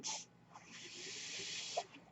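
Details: The speaker's own mechanical ventilator, audible in the background while he talks; mechanical ventilator breath cycle.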